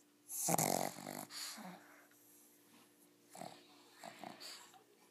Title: Pug snoring